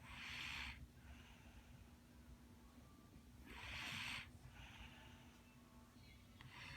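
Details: Snoring during sleep at 9pm: two loud, hissing, noisy breath sounds about three seconds apart over steady room hum.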